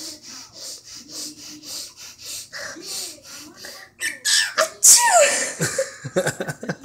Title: Cockateil sneezes